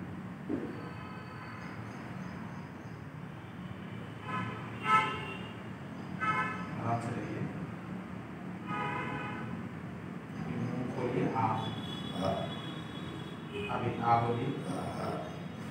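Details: Puberphonia, recorded during a speech therapy session while the therapist applies manual pressure to the patient's larynx as he phonates.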